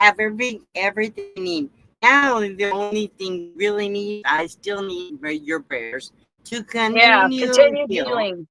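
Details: Adult woman with aphasia after her second stroke, real; no facial or limb paralysis, loss of speech and cognitive effects; speech remains impaired with repetitions and word-finding difficulty; aphasia after stroke.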